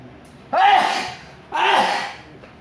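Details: Two sneezes while upgrading a computer CPU, after wiping the nose: two sudden explosive bursts about a second apart, each with a brief voiced onset and a noisy rush of air.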